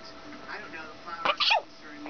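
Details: Quiet room, then a brief sharp sneeze burst followed by a second snorting sneeze from a pet during a sneezing fit; owner wonders about allergies.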